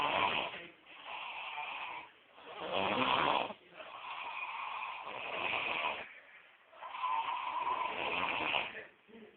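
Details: Rough rattling snores that rise and fall with each breath, close to the microphone, several in a row; ordinary snoring.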